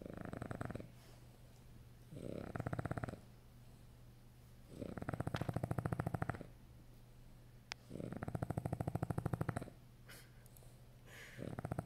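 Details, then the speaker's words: A sleeping French Bulldog making loud, rattling snores in steady cycles, about 14 a minute, each with a fluttering vibration; snoring. "This is Oscar snoring. He's sleepy. Sleeping."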